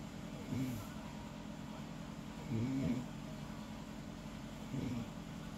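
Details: Snoring again, quieter than before: soft, low, rough breathing sounds recur about every two seconds over steady room noise, fitting light snoring.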